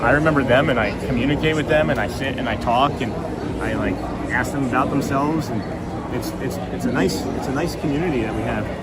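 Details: Adult male who links his stutter to his autism and says it is strong first thing in the morning; morning speech with word repetitions; stuttering.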